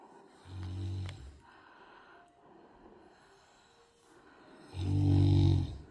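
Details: Tibetan Mastiff snoring: two loud, low rumbling snores about four seconds apart, with quiet breathing between them.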